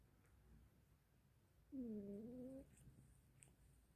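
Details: Snoring in a pet cat, a lifelong snorer since kittenhood, asleep on a bed in the morning: a single soft, buzzing, slightly tonal breath sound in a quiet room.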